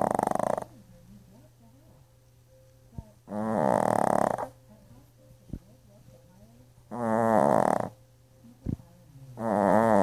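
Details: Snoring from someone sleepy and exhausted after a bath.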